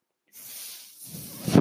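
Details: The speaker's own mechanical ventilator, heard while he talks on a podcast, delivering a breath.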